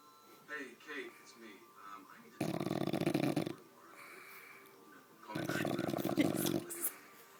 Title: Snoring bulldog